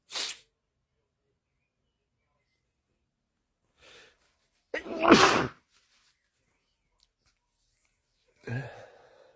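A single loud sneeze with a sharp explosive burst, framed by quieter breaths and sniffs; an ordinary sneeze.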